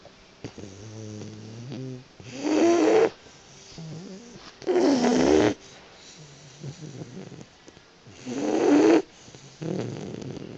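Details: Sleeping Boxer puppy snoring during a nap: three loud rattling snores about 3 seconds apart, with quieter breaths and soft whimpering between.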